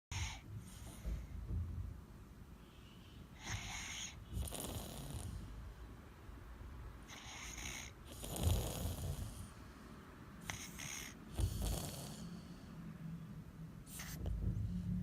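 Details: 10-month-old infant, heavy snorer, in deep sleep: soft, irregular snoring breaths, several noisy inhalations with low rumbling, against quiet room noise; snoring.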